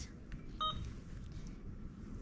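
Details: Single brief electronic keypad beep from an Alaris IV infusion pump in a nurse training demonstration, with quiet room noise, as channel select is pressed after setting up a new adult patient; a normal keypad confirmation.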